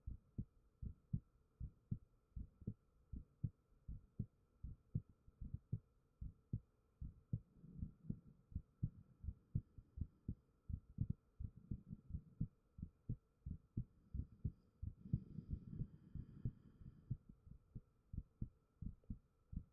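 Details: Person's own heartbeat recorded with a 3Dio binaural microphone, brief spoken words first; steady, regular paired low thumps at roughly 80 beats a minute, a normal resting heartbeat.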